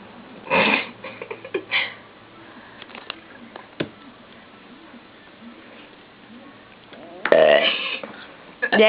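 Several short burps, then a longer, louder one near the end, in a quiet room.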